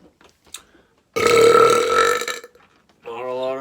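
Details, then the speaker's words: Deliberate loud, sustained, tonal belch over a second, then brief voiced sound, from a self-described easy burper in a comedy skit; burping. "Yeah, pretty sure I'm the best burper ever. Yeah. Wasn't even trying just now. Easy stuff."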